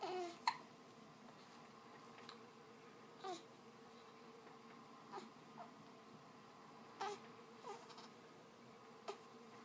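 Brief, soft, abrupt catches recurring every one to two seconds, about seven in the stretch, typical of hiccups, over steady room hum.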